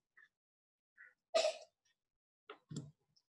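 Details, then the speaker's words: Pet female cat coughing: several short, faint harsh bursts in a quiet room. "Ay, si escucharon, mi gatita está tosiendo, no sé si se escucha, ahí está."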